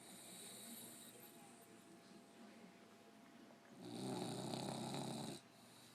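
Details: 1-year-old puggle, very tired, asleep in owner's lap: soft, raspy snore swelling into one louder rattling breath; snoring.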